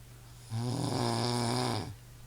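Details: A sleeper passed out: a single loud, low, vibrating snore lasting over a second in a quiet room; snoring.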